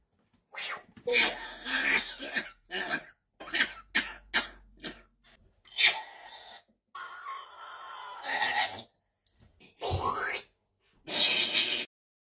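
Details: A female Congo African grey parrot mimics the chronic cough of its owner's 66-year-old father, who has COPD, with a run of harsh, throaty bursts and rough hacking sounds: an imitated chronic cough.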